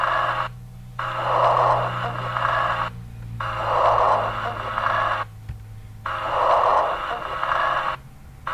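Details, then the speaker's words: Breath sounds from a simulation-center simulator: coarse, low-pitched, snore-like rumbling through each breath, from secretions in larger airways; rhonchi. "vamos ouvir os roncos então e é alguns casos e eles lembram literalmente alguém roncando que é um dos padrões que a gente tem que lembrar"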